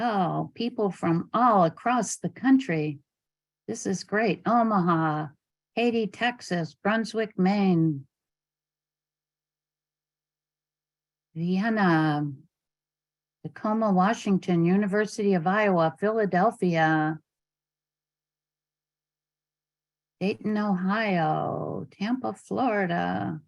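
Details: Adult woman speaking, recorded online; normal speech.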